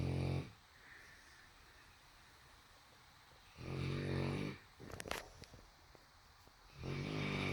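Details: Snoring in deep sleep: loud rumbling snores in two clear bursts with quiet gaps between and a faint snort.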